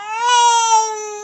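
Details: A baby boy's single sustained, high-pitched, clear wail, said to be from hunger. He cries while his mother bathes, and his father, who has no milk, urges him to cry louder for mommy.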